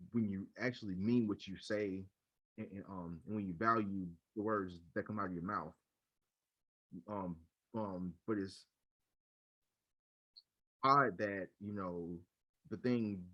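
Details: Adult male podcast speaker who stutters, who says he used silent blocks when younger; stuttering.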